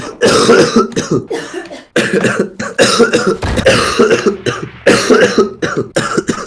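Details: A man who had been coughing all evening and says coughing makes him feel awful, with repeated bursts of harsh, forceful coughing, brief gaps and some throat clearing in a small room.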